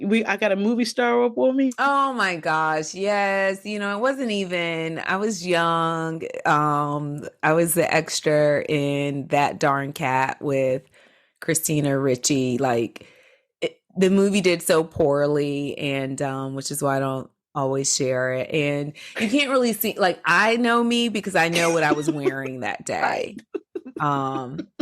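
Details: Adult woman speaking; Normal speech.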